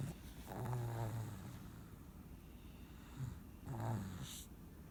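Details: A child sleeping after a long day of fun: low rumbling snores with a short snort between them.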